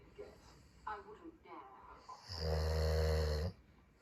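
Background television talk, then one deep, loud, rumbling snore lasting about a second; snoring.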